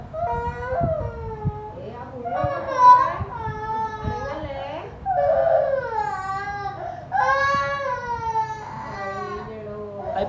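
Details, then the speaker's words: Young child wailing and sobbing in a small room at a hospital during a root canal procedure on a decayed tooth (decay blamed on eating many sweets); distressed crying with rising and falling pitch. "എൻ്റെ കരച്ചിൽ കേട്ടിട്ട് നിങ്ങൾക്ക് സന്തോഷമാണോ കരച്ചിലാണോ വന്നത്? നിങ്ങൾ എന്ത് വിചാരിച്ചാലും ഞാൻ അവിടെ കടന്ന് കരയുമായിരുന്നു."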